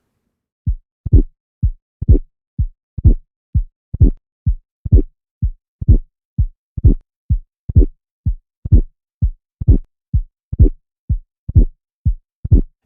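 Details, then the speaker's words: Regular heartbeat near 62 a minute with a mid-systolic click followed by a late systolic crescendo murmur rising toward S2: mitral valve prolapse. "and you can hear this mid-systolic click and then after the click you may hear a systolic Crescendo murmur that increases in intensity as you approach S2"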